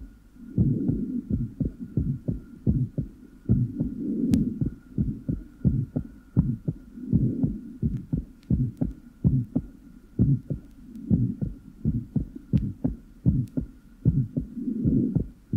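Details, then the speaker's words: 7-year-old child with a normal heart and an innocent systolic murmur, heart rate near 80/min, with sinus arrhythmia. S2 is clearly split during inspiration and single immediately after expiration: physiological splitting of the second heart sound. "as a sinus arhythmia is present the heart rate is faster after inspiration and this can be used to time the phases of respiration during inspiration the second heart sound is clearly reduplicated but appears single immediately after expiration"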